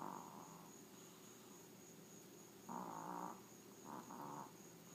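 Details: Snoring of a sleeping small Maltese dog: soft nasal snorts and snores over a steady room hum, with a few louder rattling breaths.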